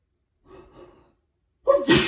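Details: Person with a cold, day 2, sneezing on waking in prolonged rapid fits: soft breathy inhalations, then a sudden sharp, explosive sneeze.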